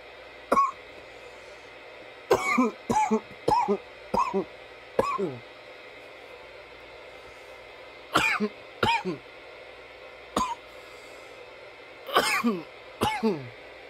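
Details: Repeated coughs, singly and in short runs of two to three, about a dozen in fourteen seconds, some harsh and throaty, part of a nearly ten-minute coughing session.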